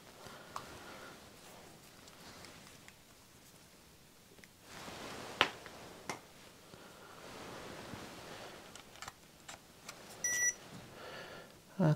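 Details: Simulated ASMR doctor roleplay: a finger-prick blood glucose test on the left index finger, with soft clicks and handling rustles, then a brief meter beep finishing the reading (6.5).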